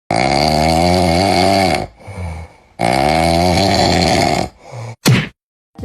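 Two long, loud, low-pitched buzzing snores with softer breaths between them, then a sharp thud: heavy snoring.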